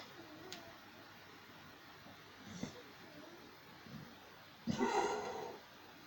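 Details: A 13-year-old pit bull gives one loud, harsh cough after a couple of faint snorting breaths in a quiet room.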